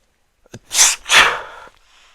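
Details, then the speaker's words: A quick intake of breath followed by a loud two-part sneeze; a single sneeze. "when a Muslim sneezes he says alhamdulillah yes he says alhamdulillah and a person who hears him sneeze and say alhamdulillah they say to him"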